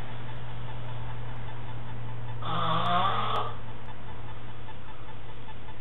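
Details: A man snoring gives a single rough, droning snore over a steady low hum before being woken with a syringe of water dropped into his mouth; snoring.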